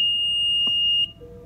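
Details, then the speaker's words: Single sustained high-pitched electronic beep lasting about a second as an infant apnea monitor is switched off by holding both buttons together; apnea monitor power-off beep. "get rid of the lights to turn it off right now still on you hold both together"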